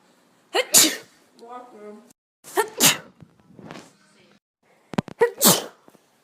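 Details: Three sharp, explosive sneezes, each with a quick breath in before the noisy burst out, followed by "bless you"; sneezes.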